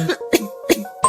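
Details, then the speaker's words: Dry cough without phlegm, crisp cough sound, possibly chronic pharyngitis or allergic cough: short, crisp dry bursts in quick succession with no phlegm rattle, over background music. "干咳无痰，咳声清脆，这种可能是慢性咽炎过敏性咳嗽。"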